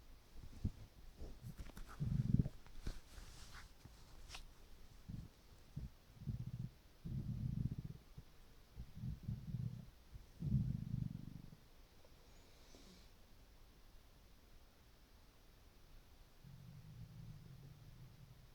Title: hungry stomach rumbling with water